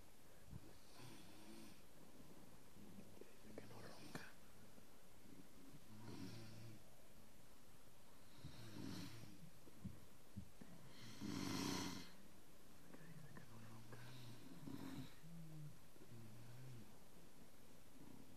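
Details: Soft, wet snoring breaths about every three seconds with slobbering mouth noises over steady room hiss, during a night's sleep; snoring.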